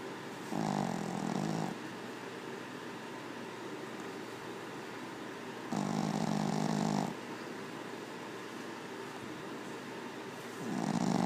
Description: My pug is... Snoring!